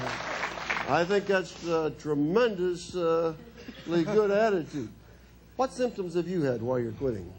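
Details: Adult male speaker; normal voice.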